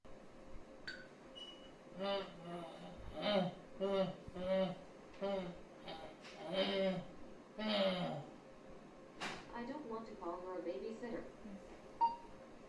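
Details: Woman with bulbar ALS in a brain-computer interface trial, saying a given phrase; vocalizations are difficult to discern; dysarthria (bulbar ALS).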